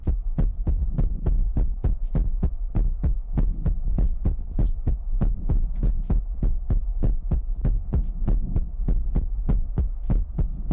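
Steady, regular low thumping at about 100 a minute over a constant hum: a heartbeat sound.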